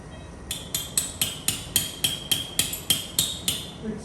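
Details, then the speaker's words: Quick series of about a dozen bright metallic ringing strikes as a surgical mallet taps a titanium cage into the L5-S1 disc space during OLLIF revision fusion for non-union. "now i'm going to remove actually i use this part of the hammer not to slip"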